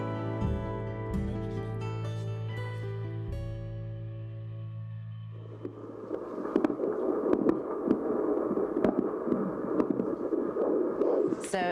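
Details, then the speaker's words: Soft music gives way to a whooshing Doppler signal with rapid rhythmic pulses, in a woman at high breast and ovarian cancer risk monitored for ovarian cancer: fetal heartbeat. "that exciting Grandma to hear the heartbeat so ex congratulations that's neat sound isn't it it is a beautiful sound"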